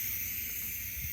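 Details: Brief, steady hiss as a portable medical oxygen cylinder valve is opened one full turn counter-clockwise with the wrench and the regulator pressurizes, before nasal cannula use.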